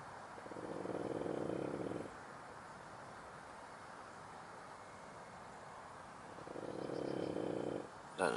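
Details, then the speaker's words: Female fishing dog asleep at a lakeside carp-fishing session: two loud, buzzing snores about six seconds apart with quiet breathing between. Ordinary snoring. "She's going to sleep again. Can you hear her snoring?"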